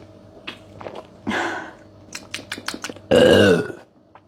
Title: Cherry Dalstons Soda Review ⚠️ I couldn't stop burping ⚠️🤣 #soda #review #burping